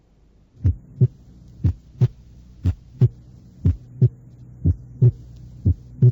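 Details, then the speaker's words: Simulated heart sounds showing normal physiological splitting: S2 is single or barely split in expiration and splits during inspiration, as with slow breathing. "normalmente el segundo ruido cardíaco es único o muy ligeramente desdoblado durante la espiración y muestra un desdoblamiento en la inspiración escuchemos el desdoblamiento inspiratorio del segundo ruido tal como ocurriría con la respiración lenta y"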